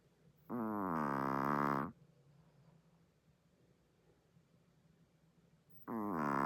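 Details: Very loud snoring from a sleeping chihuahua that sleeps with its eyes open; snoring.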